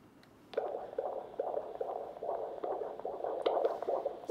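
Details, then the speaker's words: Fetal heart signal on a handheld fetal Doppler on the pregnant abdomen, on the other side; rapid, sharper click-clacky pulses suggesting a position closer to the fetal heart, with a normal range of 110–160 bpm. "a bit more of a click-clacky sound which suggests that that's more likely closer to the fetal hub"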